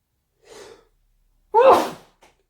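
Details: Soft breath in, then one sharp, explosive sneeze, part of an induced sneezing fit.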